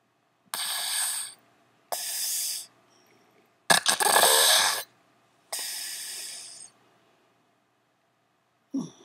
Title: snore baby